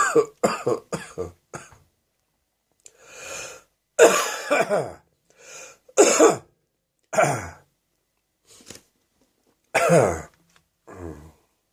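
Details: An adult's phlegmy morning wet cough: a quick run of short coughs, then several harder, loose-sounding coughs with breaths between.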